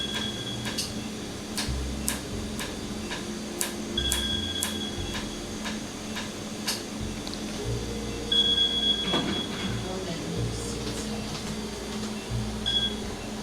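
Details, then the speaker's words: Laser tattoo removal on numbed skin, with ink frosting over as it is hit and cooling air applied; red ink is left for a later session: rapid sharp ticking pulses with a steady machine tone and room hum; laser tattoo removal device firing. "Okay, so you see that it looks like the color gets hit and it looks like it like frosts over."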